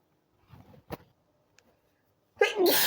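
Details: Person lying in bed trying to sleep; after turning onto the other side, quiet breathing and rustling in a small room, then a sudden loud sneeze near the end, part of a sneezing fit.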